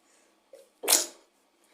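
A short indrawn breath, then one sharp, hissing sneeze burst that fades quickly in a quiet room.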